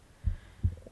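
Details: Adult's deep, soft, regular heartbeat recorded at the left side of the chest wall while the person reads a book aloud; normal heartbeat.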